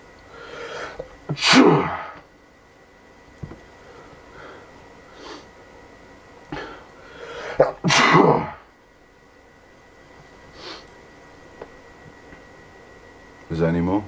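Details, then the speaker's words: Two loud, explosive sneezes, each with a sharp inward breath before it, separated by quiet room noise; real daily allergy sneezing that the sneezer blames on dust, pollen or pepper. "every day i face these so you know people say it sounds it sounds like it's an act or anything it's it's real our faces every day it's either dust or pollen or or the pepper"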